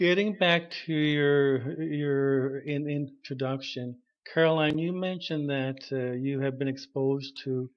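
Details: Adult man who stutters, self-diagnosed, with severe stuttering at about age 21 when he began speech therapy; stuttering.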